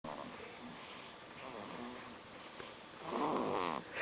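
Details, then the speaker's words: Snoring from someone called a baby but described as snoring like an old man: rough, rattling snores on slow breaths in a quiet room. "baby isn't a baby, he's an old man. He snores."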